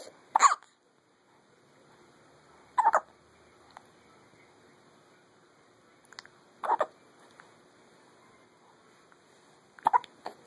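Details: Morning hiccups in a baby girl who is smiling between them: four short, abrupt catching sounds spaced a few seconds apart in a quiet room.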